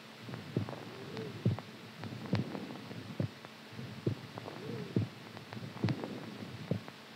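Steady paired low thumps at about 70 beats a minute, with a faint hum behind: a strong, ordinary heartbeat.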